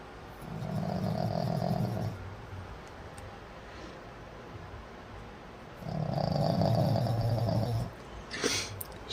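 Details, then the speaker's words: Pug sleeping with her eyes open: rough, rattling snores on each breath, two cycles about five seconds apart in a quiet room; dog snoring. "is snoring with her eyes open. That's some scary movie shit right there. Her eyes are open, but she's sleeping."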